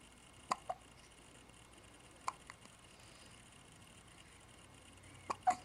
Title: Zoid getting a hiccup